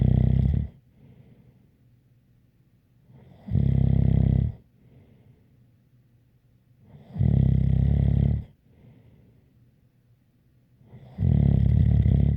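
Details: ASMR snoring recording: deep, loud snores about 16 a minute with a faint whistling edge and soft breathing between; snoring with a light whistle.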